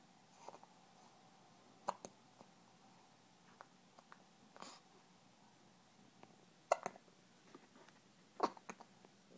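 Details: Hiccups: four or five short, sharp hiccups at irregular intervals in a quiet room.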